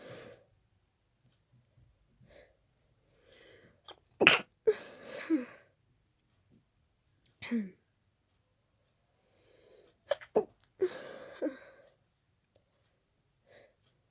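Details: Sudden sneezing attack after an hour of itchy nose, sneezes growing faster until the nose was stuffy: two clusters of abrupt explosive sneezes with quick in-breaths, separated by quiet.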